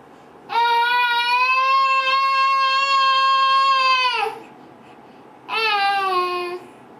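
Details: Sleep moaning in a completely asleep female, eyes closed, head on mattress, ongoing for a while and sometimes waking herself: two long, steady, high-pitched expiratory moans, the first about four seconds; catathrenia.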